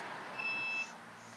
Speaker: Nah, but, we just, that's my glucose meter telling me that my sugars are running high.